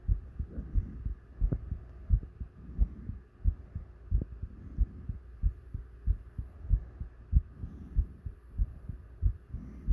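Low regular heartbeat thumps, about 90 a minute, with a faint background hum.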